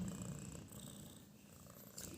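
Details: A white house cat snoring while sleeping, an unexpected snore that surprised its owner.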